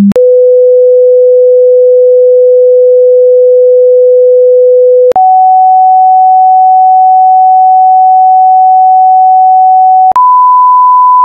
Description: Test your hearing, this test starts from 10 Hz and ends to 20 kHz.